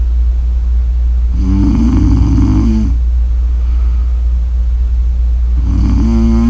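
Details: Sleeper's snoring recording: two loud, rough, low snores on in-breaths over a steady low background hum.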